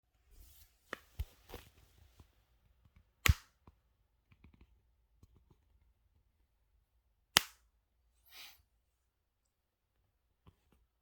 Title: knee popping sound